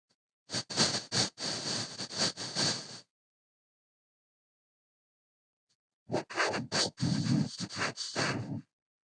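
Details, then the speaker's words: Simulated sound of hearing through a cochlear implant: harsh, hissy, robotic bursts with speech rhythm but no clear words. "now I will play a youtube video that shows you what it sounds like within a cochlear implant"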